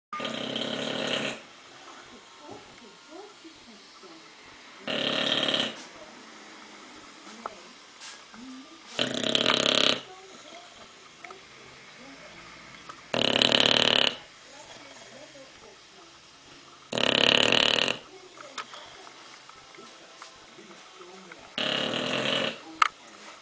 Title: Bulldog Lovers Our English Bulldog With Sleep Apnea Snoring